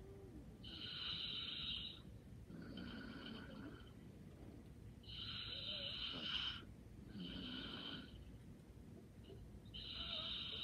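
Soft, whistling snore on each in-breath with a gentle out-breath, about 13 breaths a minute; light snoring during deep sleep.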